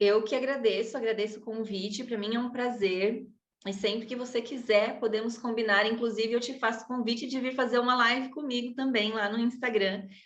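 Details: Adult woman speaking Portuguese; typical speech.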